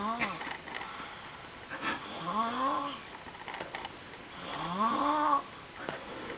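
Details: Sleeping baby snoring: three drawn-out, squeaky, tonal noises on each in-breath, rising then falling in pitch, two to three seconds apart in a quiet room.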